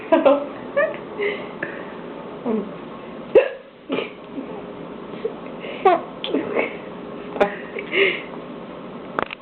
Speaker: Mommy has a hiccup.